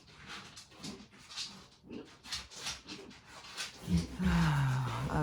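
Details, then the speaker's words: Repeated rhythmic heaving and retching, then a loud groaning strain at the end: a deteriorating foster dog vomiting right after drinking water, recorded at 4:15 in the morning. "oh he's puking now so he drank the water now he's puking"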